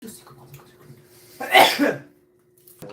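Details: Adult K-pop group member: a single short, explosive cough with quiet room noise and a faint steady hum before and after; a cough.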